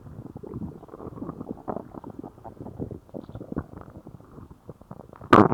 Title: Laxative stomach growls